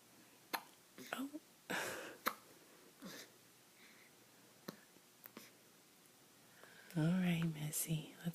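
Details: Infant awake at 2 a.m. with hiccups: short, sharp hiccups recurring every second or so amid quiet adult whispering, ending with a soft vocal sound.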